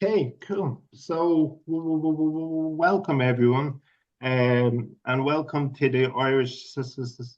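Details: Adult male speaker; stuttering.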